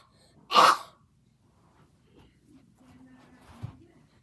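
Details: A child coughing in a school classroom while the class falls silent.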